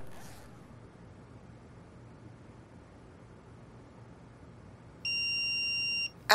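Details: Quiet room, then a steady one-second high electronic tone as a real-time CPR/AED training device powers on during a CPR and AED demonstration, before its voice prompts to remove chest clothing and apply pads.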